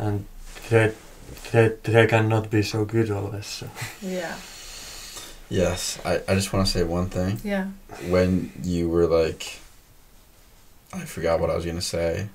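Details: Stuttering in a female podcast guest who stutters, noted as stuttering much more than usual in this conversation; repetitions of words and part-words.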